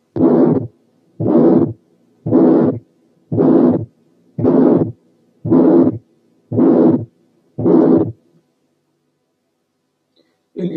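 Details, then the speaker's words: Moderate pulmonary stenosis, between mild and severe but closer to severe: regular heartbeat near 57/min with a harsh, long ejection systolic murmur filling systole. "ولا ده ولا ده، لكن بين الاتنين، وإن كانت أقرب شوية للسيفير."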